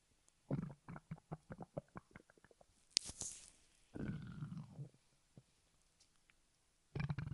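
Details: Stomach growling: short gurgling pops, then a longer bubbling gurgle and another burst; borborygmi.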